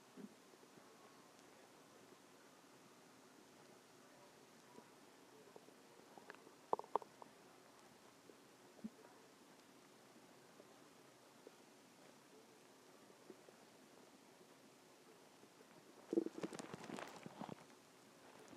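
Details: Stomach growling: quiet room with a few faint gurgles and one longer low rumble near the end, normal borborygmi.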